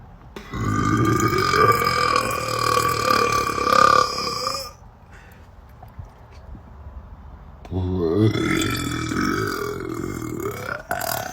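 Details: Female burper (tagged burpgirl): two long, loud, voiced belches with a pause between them; burping (eructation).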